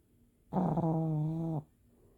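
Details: Pug puppy snoring: one loud, steady, buzzing breath sound about a second long, low and rattly.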